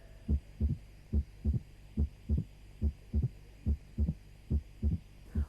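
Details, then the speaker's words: Heart auscultation teaching: regular heartbeat near 71 a minute with a crisp, high-frequency extra sound just after the second heart sound, in diastole; opening snap. "snap ini juga terletak di belakang bunyi jantung du"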